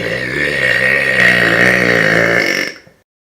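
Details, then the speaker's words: Deliberate belching during a 200-burp challenge: a single long, loud, rumbling voiced belch of nearly three seconds. "today we're gonna be doing 200 verbs they're not gonna be mega burps but they're still okay"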